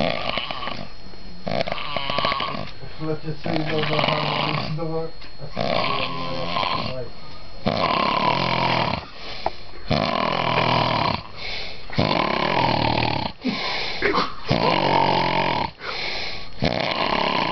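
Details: Male army soldier asleep in a bunk: loud, harsh, irregular rattling snores with gurgling and snorting, nearly continuous, over a noisy recording; heavy snoring all night.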